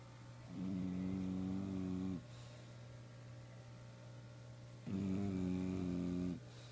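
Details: Snoring in a soundly sleeping female bulldog: two long, buzzing, droning snores, each about one and a half seconds, with a steady low hum in the background.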